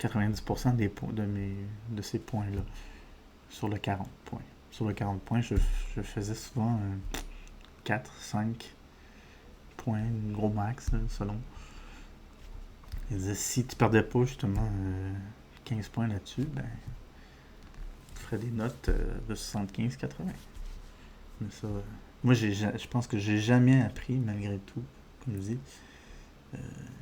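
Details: Adult man with diagnosed ADHD; speech disfluency with word and phrase repetitions, revisions, prolongations, which he says resembles stuttering but is not stuttering, linking it to ADHD.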